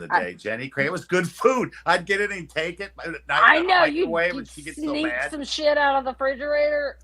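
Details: Adult; no disorder.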